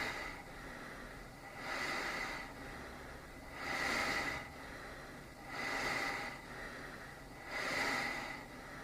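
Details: Small travel CPAP (DreamStation GO, AirMini or Transcend) running at 10 cmH2O with flex 3, compared for loudness; CPAP machine airflow noise.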